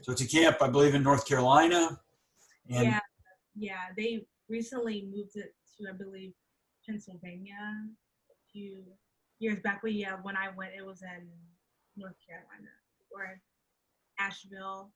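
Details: Adult woman who stutters, onset at age three, speaking in a conversational interview; real stuttering.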